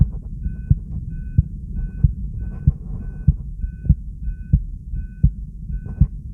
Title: Heartbeat sound (steady and normal) + EkG subj.-b1